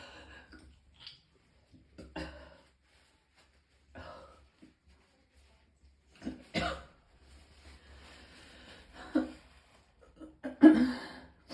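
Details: Repeated throaty heaves and gagging bursts with gulping breaths between them, from a person vomiting several times because of extreme pain: retching and vomiting.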